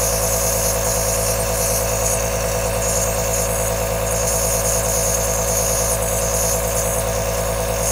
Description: 3 Hours of Aerosol Nebuliser sound with black screen (ideal at night) suitable for sleeping, relaxing , focusing on learning or soothe a baby.